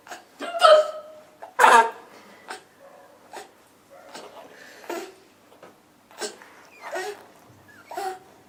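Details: Repeated short, sharp, involuntary gulping sounds about once a second from a mother, mixed with laughter, as her 4-month-old daughter finds them hilarious after bathtime: hiccups.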